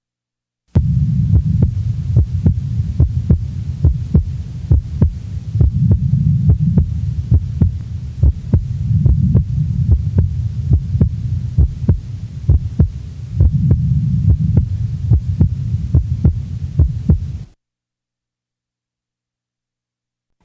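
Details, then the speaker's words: Regular heart sounds of a normal individual recorded at the left base, second sound splitting with each inspiration, breath sounds in the background; physiological splitting of the second heart sound. "the next example is also that of a normal individual the recording is from base left a physiological splitting is heard with each inspiration breath sounds are heard in the background"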